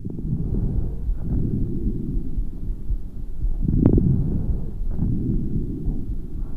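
Low rushing breath sounds with brief popping clicks early in inspiration, typical of coarse crackles.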